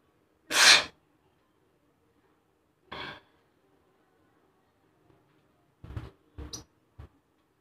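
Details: One loud, explosive sneeze, then a softer second burst and a few short breathy sounds in a quiet room, recorded as a first-time sneezing challenge.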